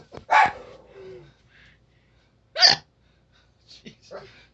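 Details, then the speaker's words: Woman with a prolonged bout of hiccups while chatting; two sharp, sudden voiced catches about two seconds apart with faint speech between; hiccups. "You about hiccuped out? I love how you tell me a question, then I hiccups, then bats bark."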